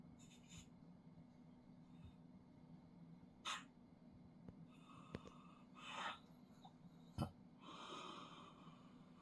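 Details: Father snoring: quiet, irregular snorting breaths from a sleeping adult man; snoring.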